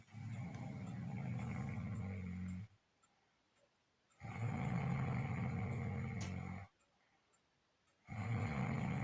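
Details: Ordinary sleep snoring, reportedly a husband's: long, low rattling snores on each breath in, about 2.5 seconds each with quiet gaps, roughly 14 breaths a minute.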